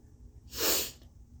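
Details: Single short, breathy, hissing sneeze over faint hum, induced with a turmeric-coated Q-tip in an already congested nose, now more congested with a headache, while trying to force a sneeze attack.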